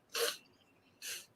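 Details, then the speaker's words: Two short, hissing nasal sniffs from an awake dog that usually snores; the owner suspects allergies causing a drippy, runny nose. "he's like he's not snoring i think he has the stuff he knows it's like he was sniffling"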